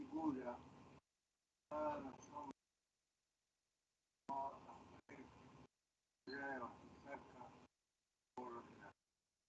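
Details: Ataxic dysarthria in a patient with cerebellar syndrome reading aloud; variable volume, monotony, slurred and hard to understand.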